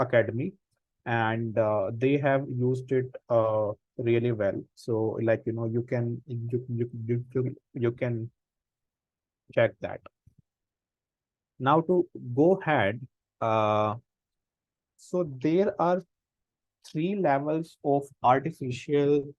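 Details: Real stammering in an adult man, a senior volunteer of an Indian self-help association of people who stammer, with audible word repetitions during an online talk; stammering.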